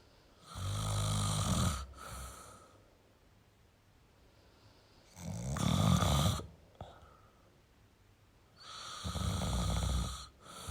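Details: Adult male snoring in a quiet room: three long, harsh rattling snores, one roughly every four seconds, about 15 breaths a minute.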